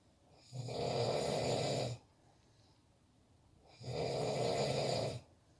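Two long, loud, rumbling snores on inhaling, about 3 seconds apart, near 18 breaths a minute; heavy snoring.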